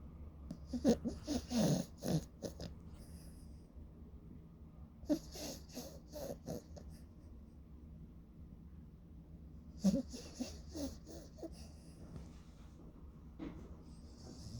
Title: Cute DOG Snoring so Loud 🐶Zzz #shorts